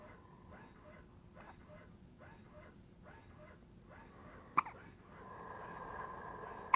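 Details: Newborn baby: soft, repeated little catches at a fairly steady rhythm, roughly 28 a minute, then a louder bump and rustling; hiccups.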